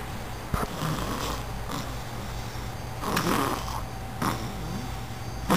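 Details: Person sound asleep: soft, irregular rasping breaths over a steady room hum; snoring.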